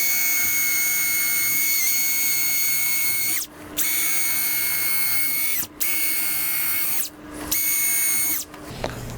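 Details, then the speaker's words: Surgical power drill making multiple holes through distal tibia for a supramalleolar osteotomy correcting about 20° varus deformity in a hexapod circular frame, demonstrated on a bone model: loud high-pitched whine in bursts with brief pauses. "make a small incision raise the periostium and then make multiple drill holes"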